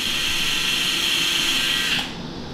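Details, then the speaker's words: Powered surgical bone drill in a dog hit by a car, minimally invasive fluoroscopy-guided sacroiliac luxation repair, drilling toward S1 body for a cannulated screw: loud, steady high-pitched whine for about two seconds, then stopping. "the benefit at the cannulated screws that you can drive and you can drill a hole and then drive this screw right over the pan that you put in there as a traditional thing"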